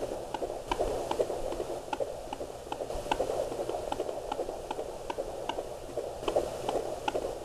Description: Baby's heart beat on a Doppler Monitor at 15 Weeks.